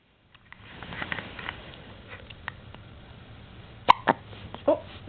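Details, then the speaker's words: Hiccups: a few brief, sharp hiccup sounds near the end, over low room noise. "hiccup the same time as you sneeze poor baby got the H up"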